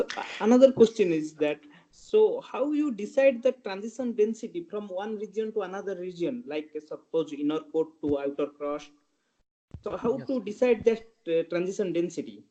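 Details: Adult speaker; normal voice.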